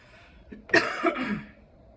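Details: Adult who then fetches an inhaler and mentions wheezing gives a short, harsh cough with a second follow-on burst, trailing into a throaty release.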